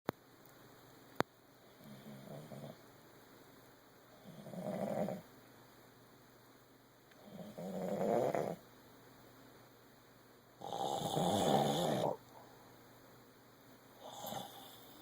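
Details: Person snoring in a prank, suspected of faking it: slow, irregular rasping snore-like breaths, about 18 a minute, in a quiet room.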